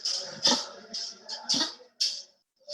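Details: Dog gives about six harsh honking cough bursts in quick succession, typical tracheal collapse cough.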